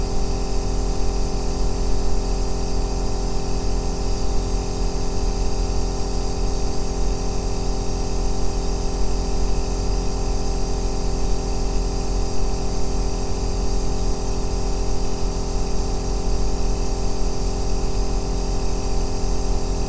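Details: Aerosol nebulizer recorded as a 2-hour ASMR sleep sound: a steady, deep motor drone with an even low hum and no breaks as the compressor runs continuously.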